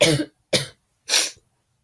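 Three short, harsh cough bursts in quick succession, the first slightly deeper and voiced, then silence; an acute cough during a minor illness.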